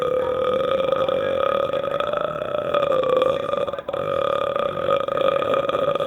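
One long, steady, drawn-out belch lasting about six seconds. This is a prolonged burp.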